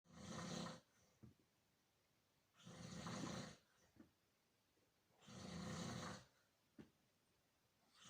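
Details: Older man snoring: three loud, rough, rattling inspiratory snores about a second each with quiet pauses, about 22 breaths a minute; snoring.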